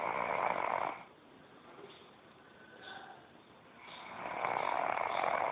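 Two loud, rasping snores separated by a few seconds of quiet breathing. Ordinary snoring.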